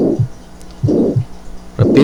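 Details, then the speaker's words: Aortic stenosis: a rough, diamond-shaped (rhomboid) systolic murmur runs up to the second heart sound and masks an opening click, with prolonged isovolumetric contraction and clean diastole; two slow cycles at about 63 per minute, with a faint voice overlapping. "y ahí están los cuatro eventos uu u 1 estenosis de la válvula aórtica"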